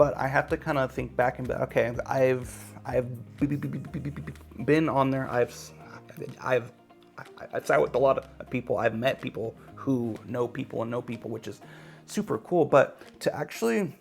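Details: Adult male podcaster who stutters, with word and sound repetitions; stuttering.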